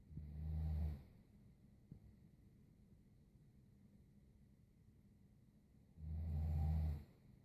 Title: 20141119 Snoring